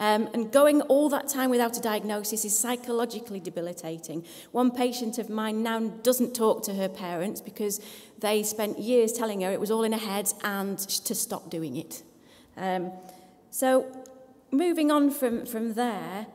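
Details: Adult female speaker; normal speech.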